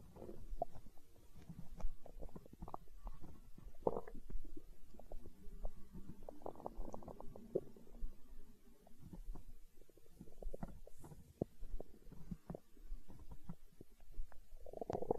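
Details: Stomach growling from hunger, with low irregular gurgling and rumbling and bursts of bubbling: borborygmi from normal gut movement.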